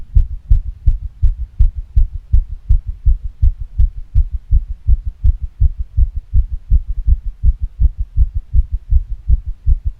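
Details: Fast female heartbeat with heavy breathing: rapid, regular low thumping at about 160 beats a minute, a fast heart rate (tachycardia).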